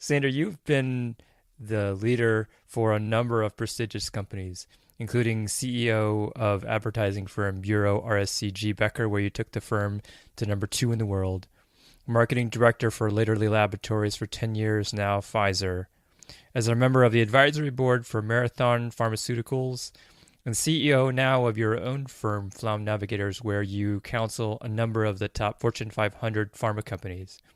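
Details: Adult male speaker; Normal fluent speech.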